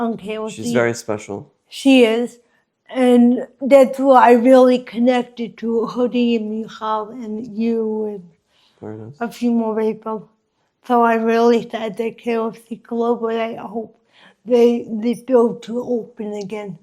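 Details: Adult woman with congenital cerebral palsy affecting her walking, face, mouth, drooling and speech; dysarthria (cerebral palsy).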